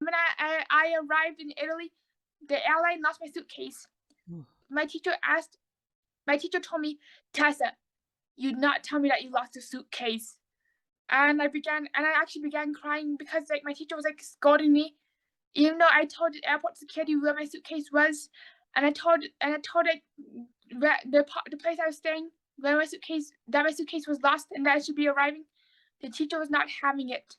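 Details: Adult autistic woman with oral motor apraxia, recently diagnosed bipolar, repeating words and phrases; apraxia of speech.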